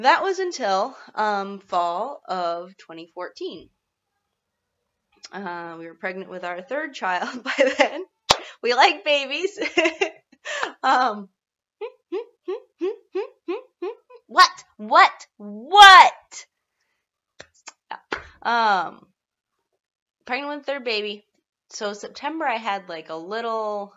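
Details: Vocal tics in a woman with a self-described Tourette-like tic disorder, with interjected words breaking into her speech; vocal tics.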